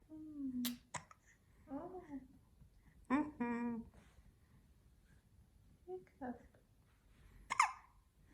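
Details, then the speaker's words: Hiccups in the morning: several abrupt, brief voiced catches with short vocal sounds between them in a quiet room. "Hiccup. You find this funny? Oh, you're hiccuping, huh?"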